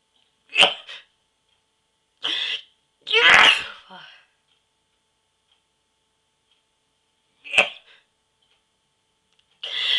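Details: Repeated sneezing deliberately triggered with a sneeze inducer: a series of explosive, hissing sneezes, some with a short intake of breath before them, separated by silence.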